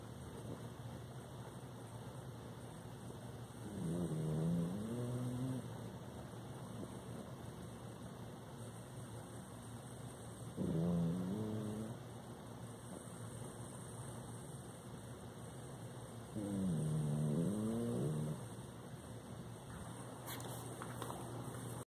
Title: The sounds of . . Snoring